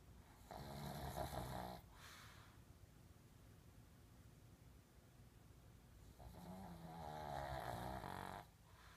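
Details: Snoring during sleep: two long, loud, rattling snores on inhalation, separated by a quiet exhale.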